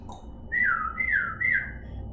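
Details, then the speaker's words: Vocal tic in an adult with Tourette syndrome and PTSD, tics increasing when triggered while discussing trauma: a sudden high whistling, squawk-like sound breaking into speech. "i've shot this video like three times because i keep shouting inappropriate things"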